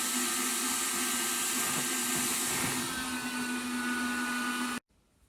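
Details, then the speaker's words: Helmet-based non-invasive ventilator running on CPAP set to 15 with the helmet pressurized: steady loud rushing hiss with low hum, then sudden quiet when stopped; unit must run before patient use to avoid CO2 rebreathing in the enclosed helmet. "you have to keep the unit running before you give it to the patient because uh it's a enclosed space you need the airflow without that there is a possibility of co2 rebreathing"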